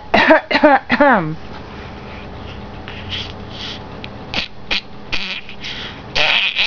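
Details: Infant playfully mimicking a parent's cough: high-pitched vocal bursts and short cough-like sounds, an imitation rather than illness.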